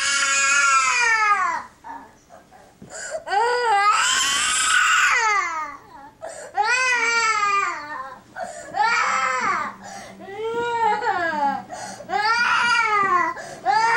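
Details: Infant cry, baby filmed without being consoled: loud, rising-and-falling wails in repeated bursts with gasping pauses between them.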